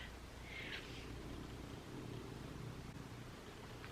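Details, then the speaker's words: An adult's stomach growling audibly while they talk to camera: a low, continuous rumbling gurgle over faint room noise; borborygmi. "can you hear my stomach growling oh my gosh"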